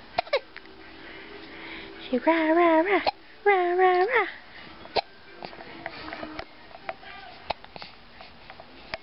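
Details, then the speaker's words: Happy infant girl with hiccups; sharp, brief hiccups at irregular intervals with two longer voiced cries in between; ordinary infant hiccups. "oh you got the hiccups you got the hiccups you get a hiccup baby"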